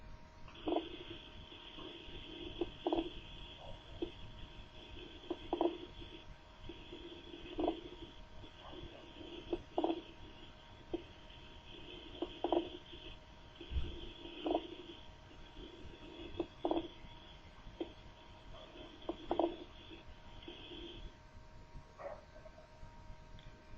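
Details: Brief crackling bursts repeat with each breath over a steady hum: fine crackles, a sign of lung consolidation.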